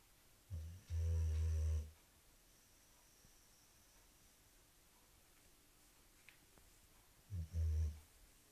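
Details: Boxer dog Omi snoring: two deep, rumbling snores about seven seconds apart, each a short catch then a long low drone, with quiet between.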